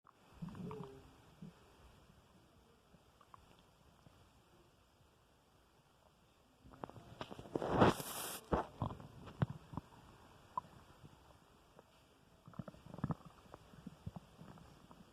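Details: Male's stomach recorded after dinner: soft bubbling gurgles and low rumbles from the belly, ordinary post-meal digestive sounds (borborygmi).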